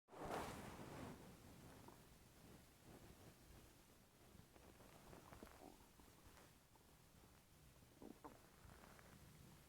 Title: my stomach non-stop making noises for over 5 mins